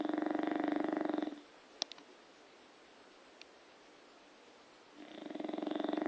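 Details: Loud, fluttering, buzzing snore on two breaths with a quiet pause between, from a sleeping bulldog; snoring.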